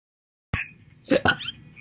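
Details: Three abrupt, loud hiccups with sharp voiced onsets, each a sudden gulping catch of breath; an audio-only recording of hiccups from previous years (2018 and 2021).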